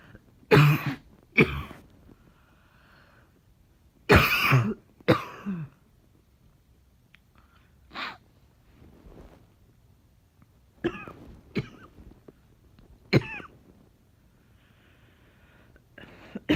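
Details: Cough tagged as barking and chesty: repeated harsh coughs, some paired, with throat clearing between, about eight coughs over sixteen seconds in a quiet room.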